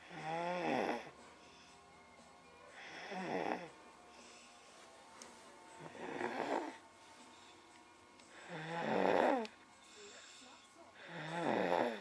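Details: Cooper snoring after finally falling asleep following a rough day with a sore tummy, recorded in a darkened room: loud rattling snores recurring about every three seconds, roughly 23 a minute, with quiet gaps between.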